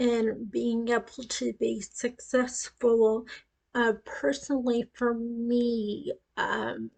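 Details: Ataxic dysarthria in an adult woman with acquired cerebellar ataxia following a brain tumor at age 18, initially called non-progressive but now deteriorating; she reports that her speech is affected.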